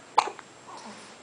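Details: Single abrupt, sharp gasp-like hiccup followed by quiet breathing from an 11-hour-old newborn baby boy being soothed by his father; newborn hiccups.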